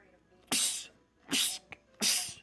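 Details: Rapid sneezing bout of about three sharp, hissing sneezes within two seconds, apparently from a film or TV scene in a compilation of men's rapid sneezing attacks; sneezing.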